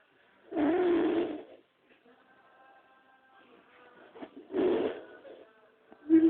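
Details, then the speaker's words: Sleeping individual snoring very loudly, with music in the background: loud snoring sounds. "está roncando como loca. Se escucha."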